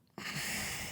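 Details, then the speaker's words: Single adult sneeze during a recording: after a moment of quiet, a sudden explosive rush of air bursts out and carries on briefly. "The most dominant thing you could have done is just continue to make yourself sneeze."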